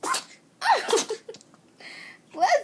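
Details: 10-week-old puppy with a few quick, sharp little sneezes during a sneezing fit, person's voice briefly between; owner wonders about allergies; sneezing.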